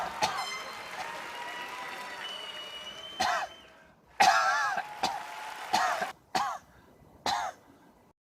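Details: Comedy impersonation: an adult gives several abrupt, acted coughs and throat clearings between quiet stretches with a faint background tone; simulated cough.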